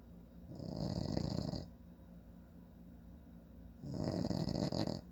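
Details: Two long, coarse rattling snores about three seconds apart, with quiet room hum between, from a sleeping adult man; ordinary snoring.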